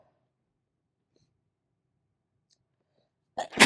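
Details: Single sudden sharp explosive sneeze after near-silence, cut off abruptly; self-induced allergy sneezing.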